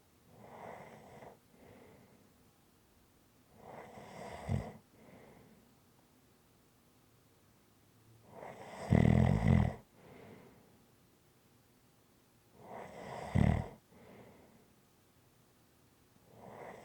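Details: Loud, rough snores on each breath, about 14 a minute, with quieter breathing between; sleep snoring.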